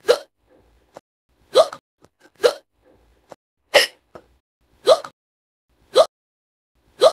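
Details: Rapid, regular hiccups, about seven in seven seconds (roughly 56 a minute), each a sharp vocal burst in an AI-synthesized cartoon voice after swallowing an acorn wrong: simulated hiccups.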